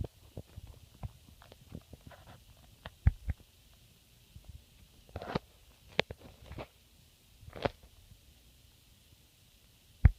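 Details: Relaxed, sleepy-eyed female rabbit being petted and snuggled: soft, irregular low clicks and rubs from gentle teeth grinding, tooth purring, a sign of contentment.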